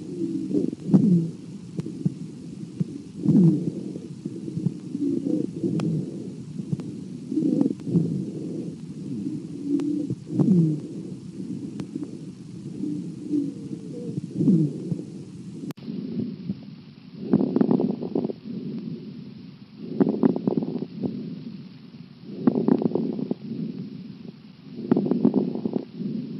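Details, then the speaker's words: Stethoscope lung auscultation sample: abnormal (adventitious) lung sounds. "et pour terminer sur cette vidéo nous allons écouter quelques bruits pulmonaire"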